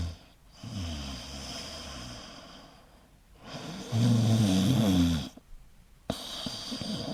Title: Звук храпа | sound of snoring